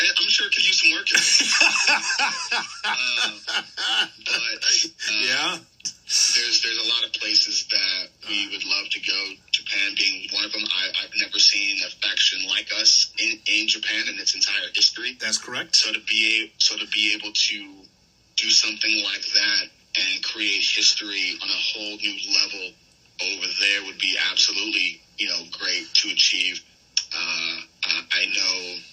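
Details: Adult male with a self-reported stutter, long causing nervousness about speaking, which he says goes away when cutting promos; real, unscripted podcast conversation; finding: stuttering.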